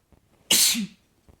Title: Boyfriend sneezes again (m)